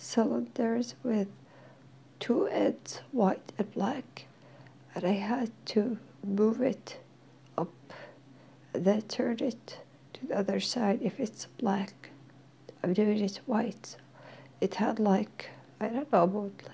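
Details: Dysphonia in a female speaker who is in therapy and slowly regaining her voice; she says she is hard to understand.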